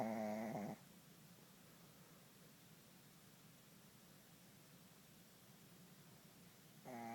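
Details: Puppy snoring while asleep: two buzzing, rattling snoring breaths about six seconds apart, quiet between them.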